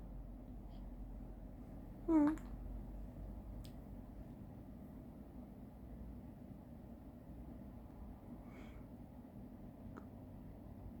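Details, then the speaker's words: Newborn baby's single brief sharp sneeze against quiet room noise; the hiccups stopped after sneezing. "딸꾹질 멈췄네. 재채기하고 딸꾹질 멈췄네."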